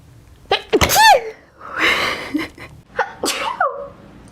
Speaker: oh right here I have a sneeze bless you excuse me